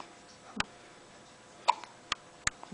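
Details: Clover hiccuping while held on a person's shoulder: four brief, sharp hiccup-like catches over about three seconds, irregularly spaced, in a quiet room; hiccups.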